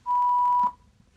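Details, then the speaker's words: ZOLL AED Plus Trainer 2 simulated training scenario: after the prompt to press the flashing shock button, a single steady mid-pitched tone of about half a second signals shock delivered, followed by the prompt to start CPR; AED shock delivery tone. "shock advised don't touch patient press flashing shock button"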